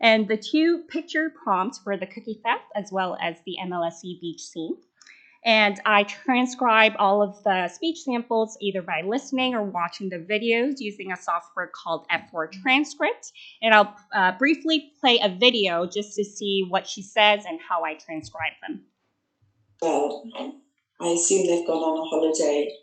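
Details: Adult female presenter, with a brief second voice at the end; ordinary speech.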